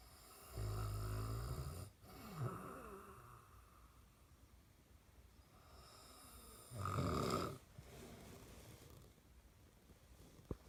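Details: Adult man (a father) snoring: two loud, rattling snores on inhalation separated by quiet breathing out; ordinary snoring.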